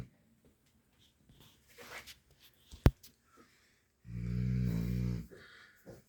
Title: Snoring Dog